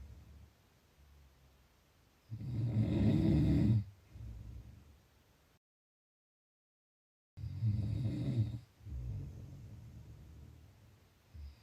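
Loud, rattling snores on each in-breath, about 13 a minute, with quieter breathing between them.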